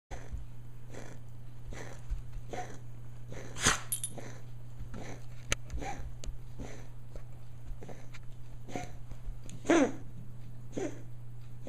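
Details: Max, a pet, recorded for his vet during one of his recurring coughing fits: a run of repeated short, harsh bursts over a steady low room hum.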